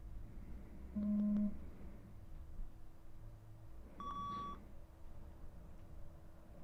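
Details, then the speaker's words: Simulated ASMR hearing-test roleplay, beeps presented to one ear only: two brief steady pure-tone beeps at different pitches against quiet room noise. "So now you will hear them in one ear only. Let me know which ear you hear them in and when you hear them in."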